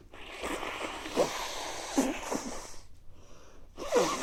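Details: Adult with recurring mild colds over recent weeks, nose not very stuffy but feeling sneezy: several quick nasal bursts with sniffing between them, repeated sneezes during a cold.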